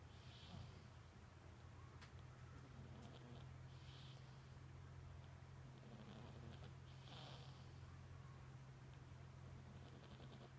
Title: Boston terrier puppy snoring